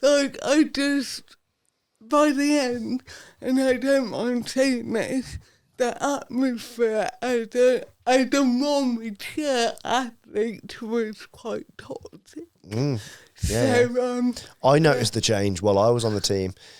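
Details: Adult woman, Paralympic dressage rider, with cerebral palsy from birth that affects her speech; real, not acted; dysarthria due to cerebral palsy.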